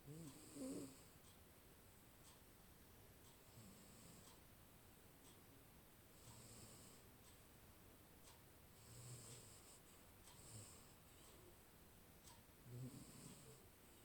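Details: Sleeping Maine Coon cat, recorded on a Xiaomi Mi 10 Pro 5G phone, with soft, regular rasping breaths and faint snorts about every two seconds over room noise: gentle snoring.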